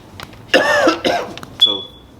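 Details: Acted cough in a classroom comedy skit during an exam: a voiced cough-like burst with throat noise, followed by a brief high-pitched tone.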